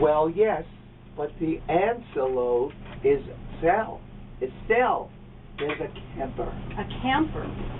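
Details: Patient in conversational speech-language therapy for fluent aphasia; fluent aphasia.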